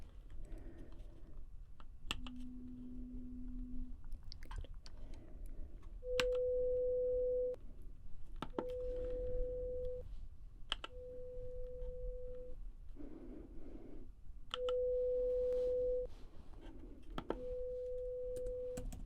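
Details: Simulated ASMR pure-tone audiometry (hearing) test: steady beeps of about 1.5 seconds at a low and a higher pitch with quiet rustling between, while the listener is told to raise the matching hand.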